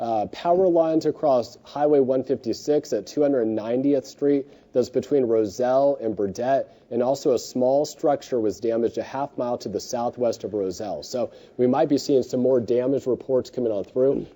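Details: Adult man; ordinary speech.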